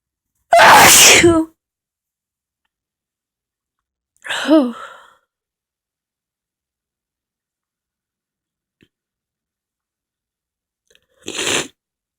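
Three forceful sneezes, one with a voiced, sing-song release, separated by silence; ordinary powerful sneezes.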